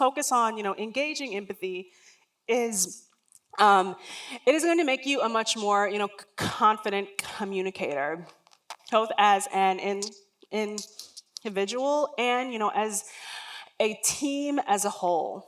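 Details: Adult woman, a lifelong stutterer, giving a talk; stuttering.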